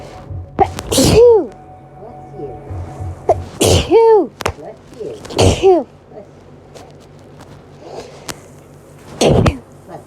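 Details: Four loud sneezes, each with a voiced 'ah' build-up and a sharp burst, over faint background sound; repeated hay fever sneezes, filmed over 3–4 days.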